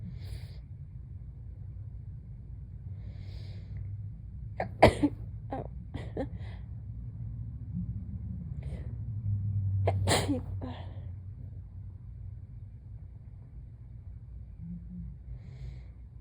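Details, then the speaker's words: Two soft, muffled, very sleepy sneezes with small catching breaths over a low room hum, just after waking from a nap; ordinary sneezing. "I have a paper towel on my pillow in case I fall asleep again, just so that nobody thinks that I'm sneezing directly into my pillow, because that would be unpleasant."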